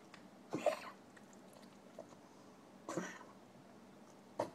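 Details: Dog coughing: three short, harsh, hacking bursts separated by quiet pauses, with faint room noise.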